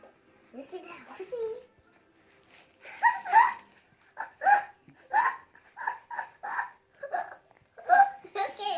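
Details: Hiccups in a breastfeeding baby boy who gets frequent bouts lasting five to ten minutes, and mother suspects reflux: short, sharp catches about once a second after a few soft infant vocal sounds.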